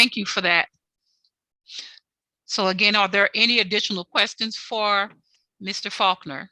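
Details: Adult speaker; Normal voice.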